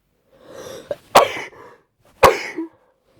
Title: Cold induced sneezing (F)